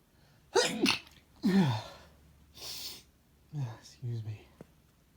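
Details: Adult male, variety of sneezes: about five sneezes, voiced 'ah-choo' bursts, one breathy hiss-like sneeze, then smaller stifled sneezes; sneezing.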